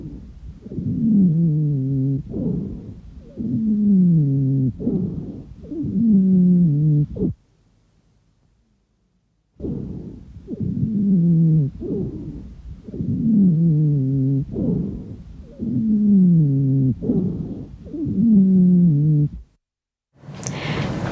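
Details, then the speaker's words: Pediatric teaching recording: expiratory wheeze audible on auscultation or at a distance, a sign of bronchial obstruction. "тренеры, слышимый при аускультации или на расстоянии - это признак обструкции"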